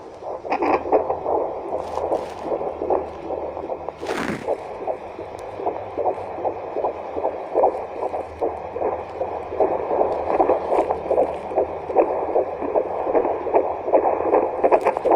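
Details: Fetal heartbeat picked up with a home handheld fetal Doppler without a display: rapid, regular whooshing pulses about 150 a minute over a steady hum; normal fetal heartbeat.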